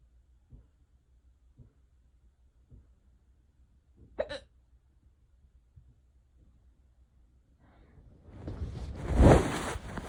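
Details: Soft regular hiccups about every 1.1 seconds, one louder, then a long breathy rush of noise, during an unusually persistent, prolonged bout of hiccups.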